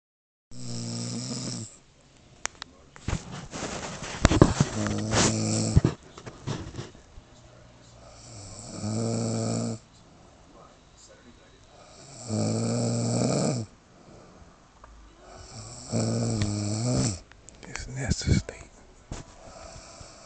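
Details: Loud, rough, rumbling snores on the in-breath, about four breaths with quiet gaps and some room noise; a woman snoring.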